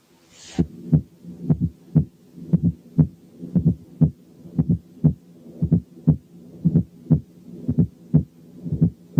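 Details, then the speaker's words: Fourth heart sound (S4 gallop) heard at the apex with the stethoscope bell: regular heartbeat about 58/min with a soft, low extra thud just before the first sound. "حالة 1 كانت فورس هارت ساوند."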